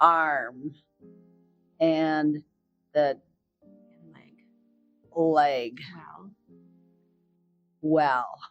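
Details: Aphasia in a woman about 4 years after a stroke, speech regained through hard work, reading prepared replies with her daughter's help.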